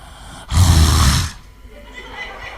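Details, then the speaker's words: An adult imitates a snore that sounds on the breath out while the breath in is silent: a single loud, rough, low expiratory snoring noise with quiet breathing around it. "Ah memang kalung ngorok itu kan ada tiga macam yakni dia ada orang yang tariknya Hai ada yang tarifnya Hai tadi Apa tariknya bunyi sekarang tariknya Diam lepasnya yang bunyi"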